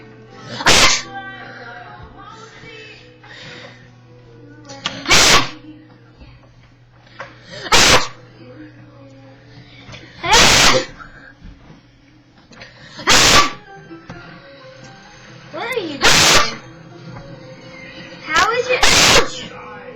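Seven sharp, explosive sneezes over twenty seconds, a few seconds apart, with music playing in the background.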